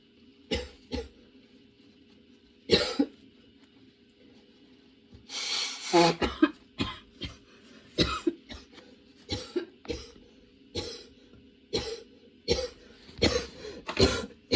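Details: Prolonged coughing fit that appeared suddenly, nonstop and worsening, causing tears: around fifteen forceful coughs in rapid runs with a strained, gasping stretch that keeps going.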